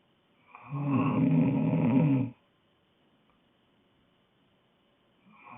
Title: Snoring girl